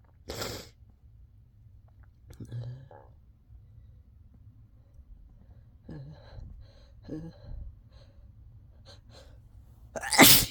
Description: I sneezed once and then couldn't help but induce myself into a fit of sneezes